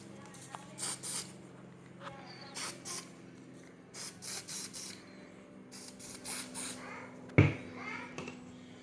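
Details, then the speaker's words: Short repeated hissing bursts of medical adhesive pre-spray, with one sharp knock, applied to the inside and outside of a puppy's cropped ear for better tape adhesion before ear posting. "ok so normally what I would have done was taken my medical pre spray sprayed the inside and outside of the ear just to get better adhesion"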